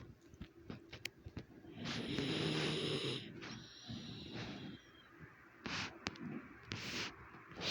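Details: Snoring during sleep: a long, rough, rattling breath through the nose and throat, with soft clicks and noises around it.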